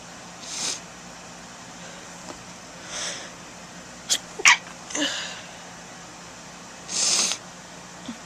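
Several breathy sneezes, a few sharp bursts and one aborted sneeze, with quiet pauses between; ordinary sneezing.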